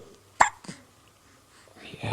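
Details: A baby hiccuping with eyes open: one sharp, sudden hiccup burst, then a softer second one, with quiet room sound between and a faint voice at the end.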